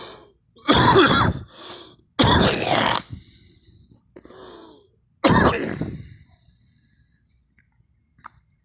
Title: me coughing